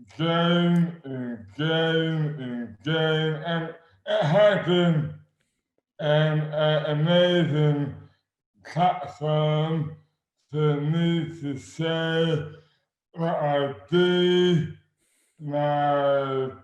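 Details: Adult man with dystonia, sudden overnight onset in 2008 (about 12 years before this 2020 recording) with no known cause, speech dramatically impaired and hands also affected; dysarthria due to oromandibular dystonia.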